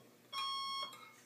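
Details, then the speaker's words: A single steady high-pitched tone of about half a second from a Valleylab Force 2 electrosurgical generator during testing, sounding when the patient return plate cable comes loose and clearing once the cable reconnects; electrosurgical generator alarm. "es que en algún momento el cable se suelta nos podría dar esa alarma 3 alarma se va una vez que ya detecta que el cable está normal y se puede seguir usando"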